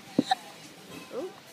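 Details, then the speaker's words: A baby's first hiccups: two quick, abrupt infant hiccups in close succession, followed by a soft murmuring adult voice saying the baby has hiccups. "you got hiccups you got hiccups big had cups oh you got hiccups like Peppa Pig that's the first time you've ever had pickups I think isn't it"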